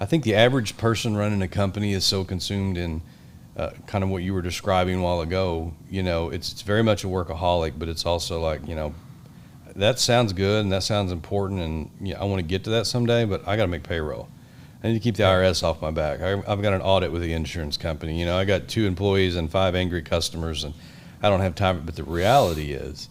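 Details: Adult male speaker; typical speech.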